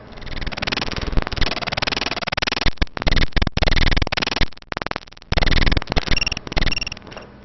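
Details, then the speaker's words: Harsh, scratchy, leathery, Velcro-like bursts repeating in an uneven rhythm, from a cardiology teaching recording; friction rub (pleural or pericardial not specified). "now oh it's a friction rub friction rub a friction rub a pleural friction rub and pericardial friction rubs those are two kinds of friction rubs we have they're leathery velcroy sounding signs of a pleural friction rump it sounds like velcro"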